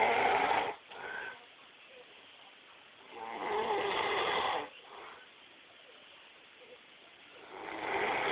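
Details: Person snoring: loud, rough, rattling breath sounds about every four seconds, with quiet pauses between them.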